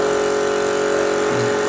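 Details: Portable suction unit turned on to clear a mouth full of secretions in a simulated EMT skills station on an apneic adult patient with a weak pulse of 60: steady mechanical motor hum.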